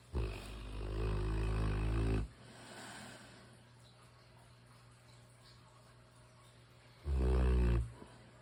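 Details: Sleeping mastiff snoring: deep, rumbling, drawn-out snores, two in about 8 seconds, with a quiet gap between.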